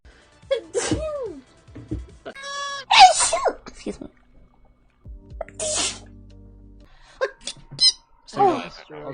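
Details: Streamer with allergies sneezing: voiced sneezes with sharp explosive bursts between bits of speech, over background music.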